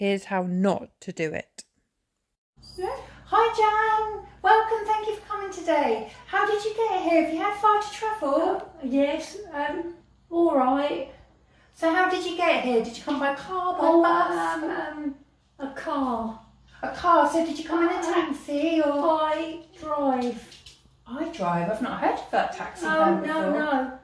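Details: Woman with aphasia for 17 years after a 2005 stroke at age 46 affecting language centres, initially only three words, since regaining language; apparently reading aloud with word repetitions; aphasia.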